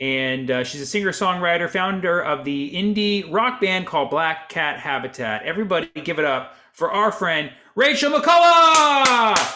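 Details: Adult speaker; no speech disorder.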